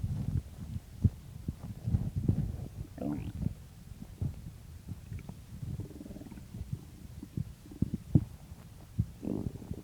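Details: Morning stomach growling just after waking: low gurgling and rumbling bowel sounds with bubbly pops throughout, ordinary hunger borborygmi.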